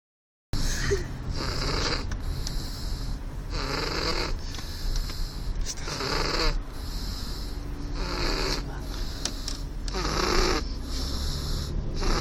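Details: Baby snoring: rough, rattly noises repeating with each breath over a low steady background hum.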